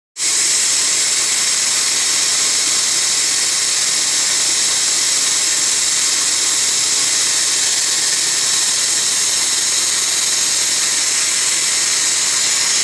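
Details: Continuous high-pitched hiss and whine of dental equipment running steadily during laser-assisted root canal treatment on upper bicuspid tooth #12.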